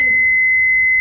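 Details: Philips Efficia DFM100 biphasic defibrillator in a training demo: loud, steady high-pitched continuous tone, charged and ready to shock, held up to 30 seconds before disarming.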